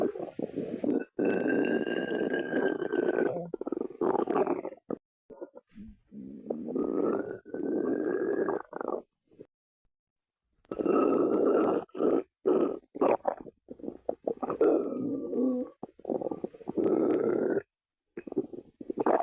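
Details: Long, low gurgling rumbles with a whining, squeaky edge, rising and falling in waves: ordinary stomach growling (borborygmi) from gas and fluid moving through the gut.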